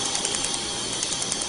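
Loud, steady hiss with rapid regular ticking pulses, the firing of a tattoo removal laser.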